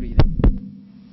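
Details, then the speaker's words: Four-year-old child with a new heart murmur: heart sounds with a low, humming, vibratory murmur between beats that decreases when the child stands, with breathing audible: innocent Still's murmur. "so I hope that you would agree with me that the heart murmur decreased when the child uh stood"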